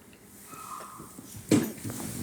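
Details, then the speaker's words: Female dog gives a sudden loud snorting, trumpet-like burst after quiet room sound; reverse sneezing, said to be common in her breed. "That's what it sounds like when she sneezes. Reverse sneezing. It's common in the breed."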